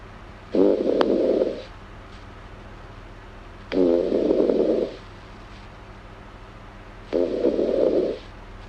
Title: Snoring girl asmr7